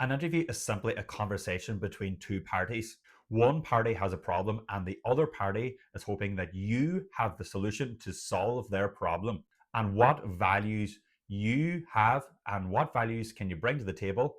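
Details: Adult male doctor from Ireland who has stuttered his whole life; stuttering.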